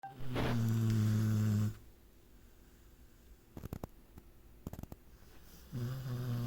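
Loud, low, buzzing snores from a sleeping dog, two breaths separated by a quiet pause with faint clicks; ordinary snoring.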